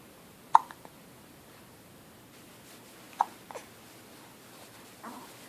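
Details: A baby hiccuping: two or three abrupt, clipped hiccup sounds a few seconds apart in a quiet room.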